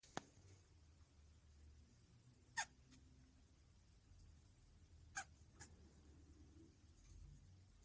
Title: Rat sneezing